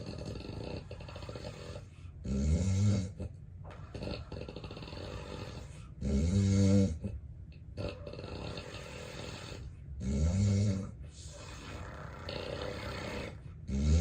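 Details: Real, unplanned daytime nap recorded in bed, adult with suspected sleep apnea: loud, deep rattling snores recurring about every four seconds, with heavy breathing; obstructive sleep apnea snoring.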